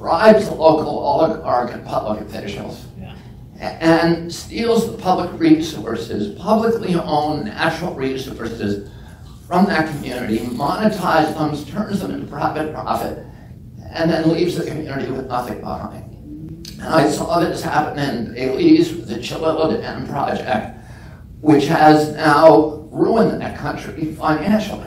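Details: Adult man with spasmodic dysphonia (self-described as spasmodic dystonia), onset at age 42 after a previously strong voice; he says the voice tremble lessens or goes away after speaking a while.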